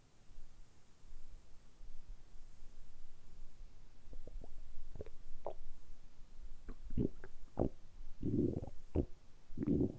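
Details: Stomach rumbling (borborygmi): low gurgling and bubbling belly rumbles growing busier toward the end, deliberately produced during about ten minutes of continuous rumbling for an ASMR recording; ordinary bowel sounds.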